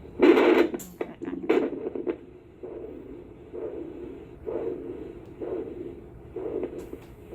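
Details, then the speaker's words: Doppler blood flow check on the penis during post-surgical stage 1 recovery, done hourly then every four hours: rhythmic whooshing pulses about once a second, like a little heartbeat, showing blood flow present. "they put a little thing on your penis and they give it a good listen and it sounds like a little heartbeat"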